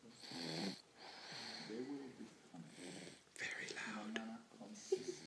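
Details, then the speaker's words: Small animal napping on owner's lap: repeated very loud, noisy, whistling and snorting breaths with a faint whisper in the background; snoring. "hello today is Thursday and I have Jacob here on my lap and he's snoring really loud check this out"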